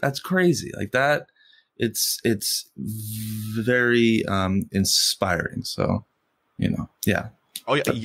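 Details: Adult man who has stuttered since first grade, stuttering most when asking for things or saying something important; stuttering.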